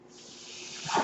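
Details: Mechanical ventilator breath heard behind a podcaster who notes the noise is his own ventilator: a soft airy hiss swelling over about a second and growing louder at the end.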